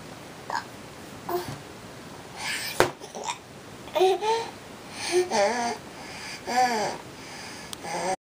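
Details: Young child talking with a cup in her mouth, babbled speech broken by abrupt short catches in the voice; hiccups interrupting talking.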